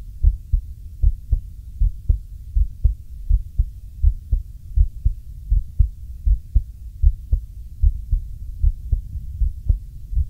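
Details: Real recording of a male's own heartbeat: steady, regular lub-dub at about 80 beats a minute with a soft low background hum.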